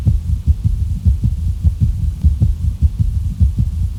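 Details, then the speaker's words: Heart sounds from a heart failure teaching case: a third sound between lub and dub, an S3 gallop; listeners are asked whether it is high- or low-pitched. "लब और dub के दरमियान कोई तीसरी sound आपको सुनाई दी है background में? बैकग्राउंड में क्या वो तीसरी साउंड जो है वो बहुत ज़्यादा शार्प थी, ऊंची थी, हाई पिच थी, या काफ़ी लो किस्म की लो पिच साउंड थी?"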